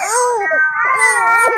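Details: Baby crying during tummy time, had been sucking hands: loud, sustained fussy crying with wavering pitch; an ordinary upset cry.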